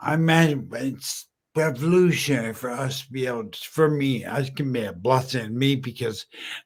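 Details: Adult male 14 years after a stroke from a brain aneurysm, initially totally mute, who still smashes words together and uses slowing down and over-articulating as strategies; dysarthria after stroke.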